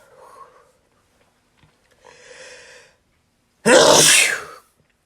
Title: Sneezing My Head Off M